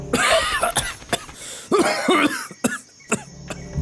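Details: Simulated cough by an adult actor in a Malay cough-syrup TV advert: a few short, harsh bursts with music playing behind.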